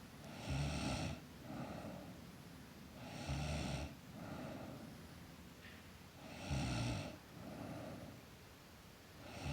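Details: Girl snoring in sleep: slow, regular rough snores on each breath in, about 20 a minute, with softer breaths out between them.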